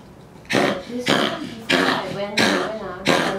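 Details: 10-year-old female Pomeranian, coughing for two weeks with a prior episode in November: five loud, harsh, honking coughs in quick succession. Owner reports the vet's X-ray showed lung and throat inflammation; cardiomegaly and irregular heartbeat also noted.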